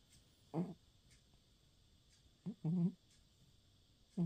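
Short, soft, low rattly breath noises at irregular intervals in a quiet room; light snoring from a sleeping cat.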